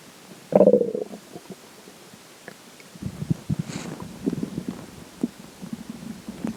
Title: water stomach growls